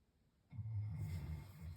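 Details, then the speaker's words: Low, rumbling continuous snore after a quiet moment from a dog sleeping near a person talking: dog snoring softly. "if you can hear my dog snoring."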